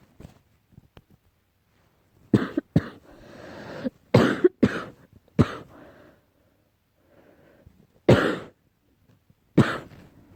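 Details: Person coughing while trying to sleep at night: six harsh cough bursts, some followed by a rattly breath out, in a quiet room.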